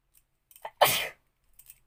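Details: Sneezing challenge, sneeze induced with paper: a sniff, then one sharp, forceful burst lasting about a third of a second, followed by faint breaths; a single sneeze.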